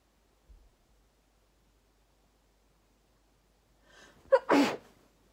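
After a quiet stretch, a short catching inhale leads into one loud, slightly muffled sneeze, a single ordinary sneeze.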